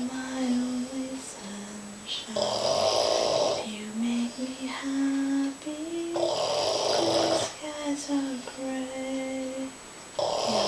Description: Our Boston Terrier, Molly sleeps and snores.